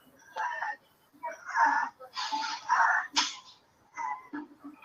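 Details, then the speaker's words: Child in respiratory distress with cough, difficulty breathing, reduced feeding, a sleepless night, dullness and agitation or irritability: respiratory distress with audible wheeze. "So what we are seeing is cough with difficulty in breathing and feeding reduced."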